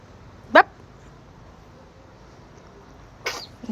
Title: what you all says when your baby sneezes 🤔🙄😅